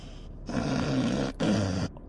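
Two loud, rough, rattling snores from an adult, acted for comedy.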